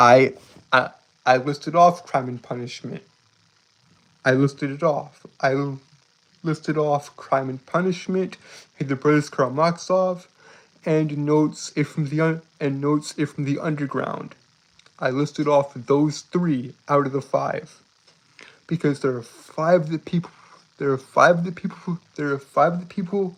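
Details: Male streamer with a self-described speech impediment, calling himself stuttery and jittery, repeating words and part-phrases: stuttering-like disfluency.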